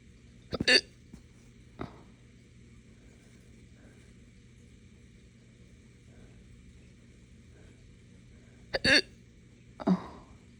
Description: Haven’t had them this bad in a while. Short case from drinking morning coffee too fast on an empty stomach